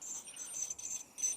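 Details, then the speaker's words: Ultrasonic dental scaler at medium power with water spray on, demonstrated on an egg: thin high-pitched hiss and buzz with faint water spray. "보시니 무섭죠 스케일링 소리 들어보세요 중간"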